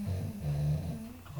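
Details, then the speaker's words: Sleeping female dogs, described as very tired, snoring with what is called a weird snore: low, rumbling, fluttering breaths made of small repeated snores in a quiet room. "tu me diras même quand elles sont pas fatiguées elles ronfle vous entendez c'est un ronflement bizarre"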